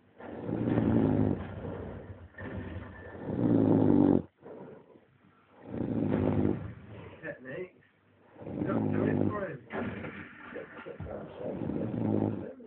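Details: A dog lying flat out asleep on the floor snores in rough, rumbling bursts, each lasting a couple of seconds, separated by short pauses.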